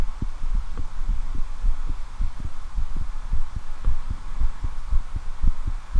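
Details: Steady low thumping heartbeats with a faint hum underneath, from a man listening to his own chest with a standard stethoscope: real heartbeat.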